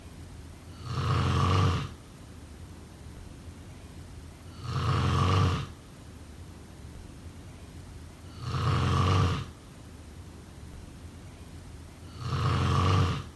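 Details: Four loud, rattling snores on breathing in, regular at about 16 breaths a minute, with quiet breathing out between: snoring.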